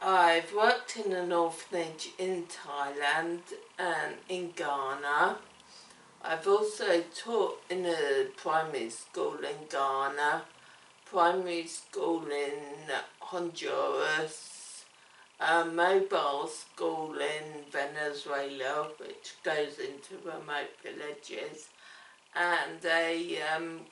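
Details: Woman with cerebellar ataxia affecting her speech: ataxic dysarthria.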